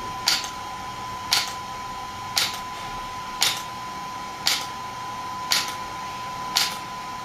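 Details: Shockwave therapy device (SW5S) for erectile dysfunction and plantar fasciitis, applied with gel while the patient's feet rest on the support: sharp regular clicks about once a second, roughly 57 a minute, over a steady high tone.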